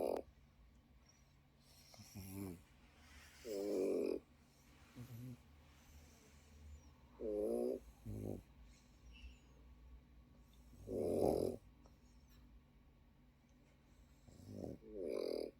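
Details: Pekingese puppy startled by its own snoring: repeated snorting, rattling snores at about 16 breaths a minute with brief nasal snorts between.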